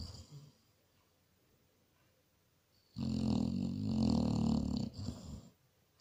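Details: Basset hound: a quiet pause, then a loud rattling, rumbling inspiratory snore with a softer trailing snort; dog snoring.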